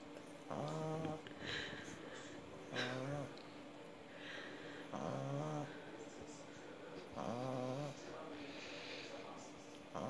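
Loud, rough snores come in a steady rhythm, about four in ten seconds, with a softer breath between each one. This is a dog snoring.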